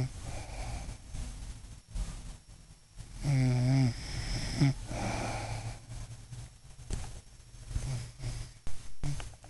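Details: Adult mother snoring while asleep: rough, fluttering inhaled snore with a brief tonal whistle, then a snorting exhale, against room noise; ordinary snoring.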